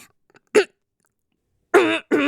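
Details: A short throat-clearing burst, a pause, then two rougher, longer throat-clearing sounds, acted in imitation of a cute-voiced streamer clearing her throat from straining her voice.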